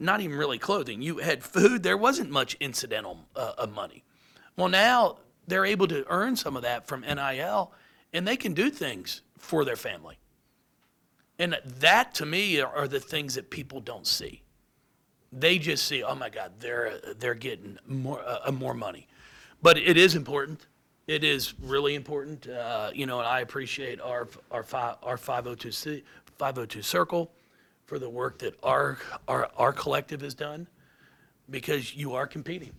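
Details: Adult man with lifelong stuttering, speech therapy from first to eighth grade, now much improved; anticipates stutters and substitutes words; stuttering.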